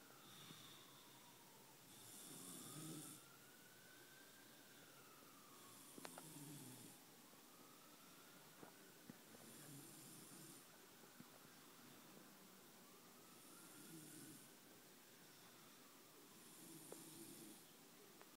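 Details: Person sleeping: steady rasping snores, about 16 a minute, over a background fan or motor hum that rises and falls; snoring.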